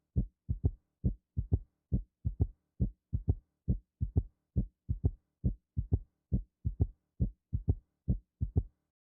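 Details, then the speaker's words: Regular triple heart rhythm near 68 a minute with a soft extra sound in early diastole just after S2, from rapid ventricular filling; third heart sound (S3 gallop). "अब S3 तीन पर चलते हैं जिसे तीसरी hot sound भी कहा जाता है। यह हॉट साउंड S2 के ठीक बाद शुरुआती डायस्टीली के दौरान होता है।"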